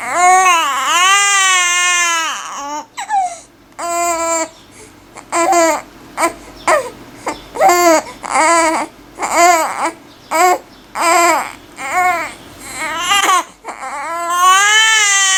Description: Baby Crying Sounds - In this video you can see 2 babies who are crying: a newborn who is crying loudly and a 2-month-old baby who is crying.